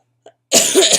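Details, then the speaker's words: Acute bronchitis cough in a chronically ill adult with asthma complications, on prednisone: a faint catch of breath, then one harsh, noisy cough burst of about half a second. "As you can probably tell, because my eyes are like barely open, you can hear my voice, you can hear my coughs, and my body feels like it's been beat with a baseball bat, just by having taken everything I can that reduces pain."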